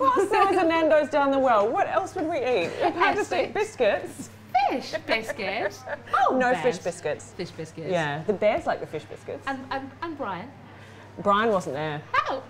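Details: Adult woman with Tourette syndrome producing word vocal tics such as "biscuit": vocal tics (Tourette syndrome).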